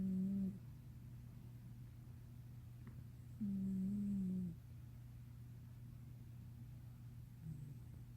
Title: Black cat Luna is snoring 12.22.18 (deep sleep special edition)